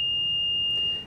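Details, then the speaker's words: MRI safety training video on magnet and cryogen safety: a single steady high-pitched tone of about a second from an MRI scan room oxygen monitor alarm, signalling that the area should be evacuated. "if smoke comes from the magnet or if the oxygen alarm sounds Evacuate the"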